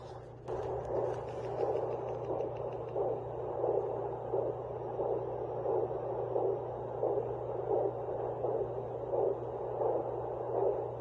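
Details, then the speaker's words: Rhythmic whooshing pulses at about 86 a minute over a steady low hum: a fetal heartbeat on a home Doppler at 10 weeks of pregnancy. "so that's his heartbeat um that i'm able to find i cannot baby b is so small that i can't find his um"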